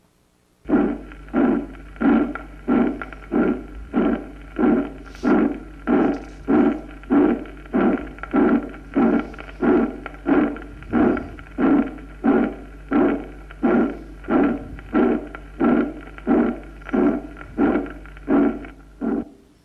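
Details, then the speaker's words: Teaching auscultation recording of aortic stenosis: a harsh, rough ejection murmur on every beat at about 92 a minute, with no separate second sound heard. "si es intenso Borra el componente aórtico del segundo ruido y simula un soplo d"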